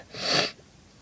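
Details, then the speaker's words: Acted recording of a girl sneezing: one short, sharp, hissing sneeze, after which she insists it must be allergies and mentions her throat hurting. "Oh, it has to be my allergies. I do not have time to get sick right now."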